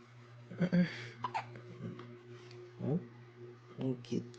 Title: Cute hiccups of our baby treated by his Mother